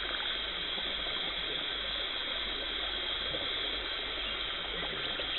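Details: Dental hygienist performing a professional teeth cleaning, removing tartar and plaque, no talking: continuous hissing, rushing water-and-air noise of spray and suction; dental cleaning instruments (scaler, water spray and suction).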